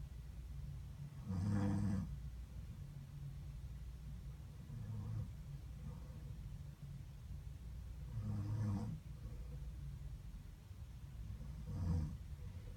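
Three loud, low rattling snores on inhaled breaths, roughly 6 to 7 seconds apart, against steady low room rumble. Snoring.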